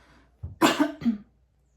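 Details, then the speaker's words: Adult woman talking to camera gives a short throat-clearing sound, then two quick cough bursts, and remarks that her voice keeps failing. "Gente, minha voz tá falindo toda hora."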